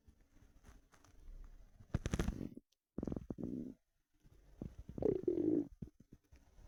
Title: empty stomach rumbling 4 hours hungry